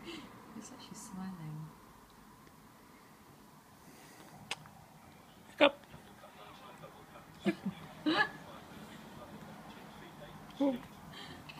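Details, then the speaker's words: A girl with hiccups in a quiet room: a few short, sharp, abrupt catches at irregular intervals. Hiccups. "Oh, hiccups. Hiccup. Hiccup."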